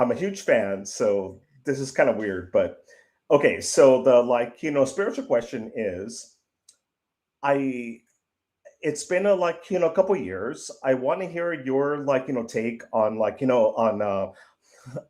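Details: 55-year-old man who says he stutters; stuttering.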